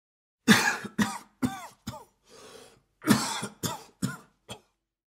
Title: Hombre con Tos (Efecto de Sonido) Man coughing Sound Effect